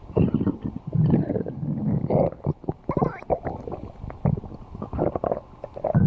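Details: Stomach growling: low, irregular gurgling and rumbling sounds with some microphone noise; borborygmi.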